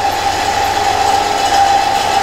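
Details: Suction machine running continuously during airway suctioning demonstration, catheter withdrawn within five seconds per pass, removing sputum: steady loud motor hiss with a constant whine.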